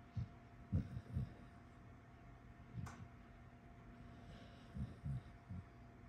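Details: Sleeping dog (Astrid) under the covers in bed on a cold, rainy night, snoring with low, fluttering snorts in short clusters every couple of seconds over a steady room hum.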